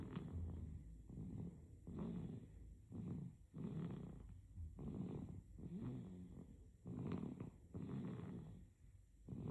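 Quiet, rapid, noisy breaths with a soft snorting rattle through the nose and throat. Infant snoring during sleep.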